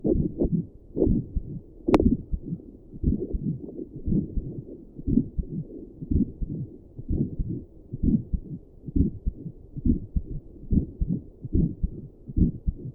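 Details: An adult's own heartbeat, recorded with Doppler and stethoscope while sitting at a desk, with a visible neck pulse: steady, low whooshing beats at about 65 per minute with one brief click.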